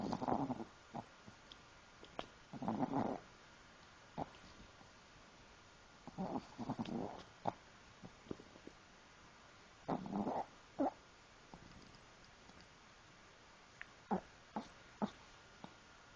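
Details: Newly adopted Pomeranian snoring while asleep: repeated soft rumbling breaths with small snorts and clicks.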